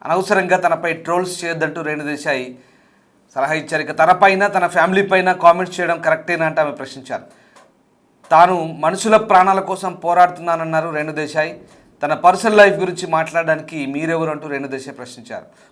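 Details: Adult news presenter; Normal speech.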